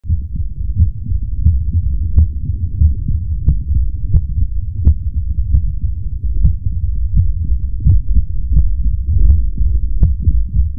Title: Heartbeat ASMR 2 (black screen)